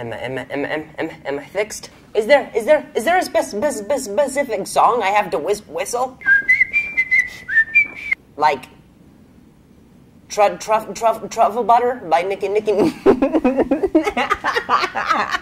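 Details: Adult male comedian with a stutter, reporting feeling a little sick that day; stuttering.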